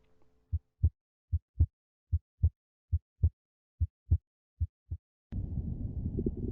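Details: Paired heart sounds at about 75 beats a minute from a Cardionics SAM/PAT auscultation simulator manikin, followed by a burst of noise.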